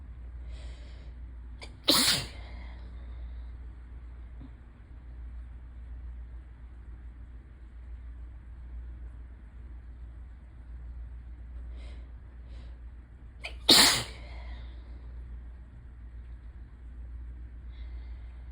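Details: Two sharp, explosive sneezes about twelve seconds apart, each preceded by a quick inhale, over steady rain in the background; sneezing attributed to ragweed season allergy with a suddenly sensitive, itchy nose.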